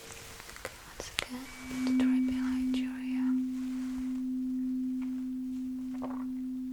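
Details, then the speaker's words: Simulated ASMR cranial nerve exam roleplay: tuning fork placed right behind the ear, then repositioned, listener reporting when sound stops, repeated on the other ear: Rinne hearing test. "now I will put uh the tuning fork right behind your ear. Uhhuh. And uh we'll do the same test. So you will simply let me know uh when you stop hearing the sound."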